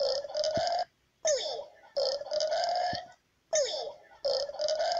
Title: Burps compilation 5